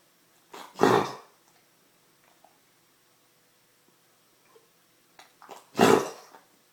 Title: coughing